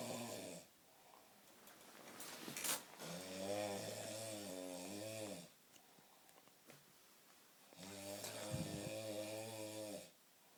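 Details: Loud snoring through the nose from a sleeping individual (Maris), likened to a yak; the listener suggests he roll over.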